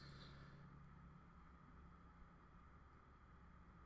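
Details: Endoscopic ear wax microsuction of hardened wax behind hairs in the ear canal: a steady rushing hiss with a low hum as the suction tube works.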